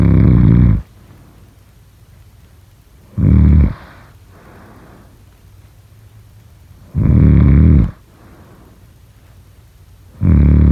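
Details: Loud, low rattling snores on each in-breath, about 20 a minute, with quiet out-breaths between: ordinary snoring during sleep.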